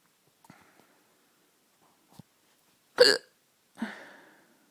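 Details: Hiccups late at night: sharp, abrupt hiccup sounds, one loud with a voiced catch and a softer breathy one after, amid faint clicks.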